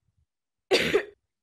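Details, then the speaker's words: Single wet, rattly cough from an adult, loose phlegm being cleared, played as a wet-cough example contrasted with a dry cough in a talk on detecting COVID-19 from cough sounds. "um again so the dry cough again it sounds like this and the wet cough sounds like this"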